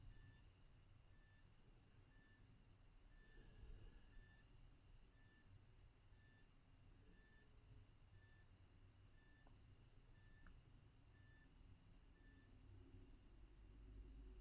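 Regular short high beeps from a handheld ECG device over quiet room noise, marking each detected heartbeat during a lead I recording at about 75 a minute.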